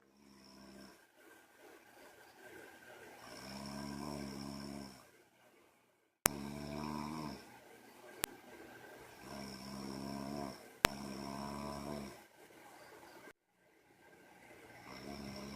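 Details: Rhythmic, rattling snores on each inhalation at about 13 breaths a minute, with clicks where the recording is spliced.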